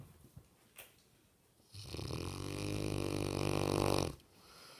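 A loud, deep, rumbling snore lasting over two seconds on one breath, after quiet room noise.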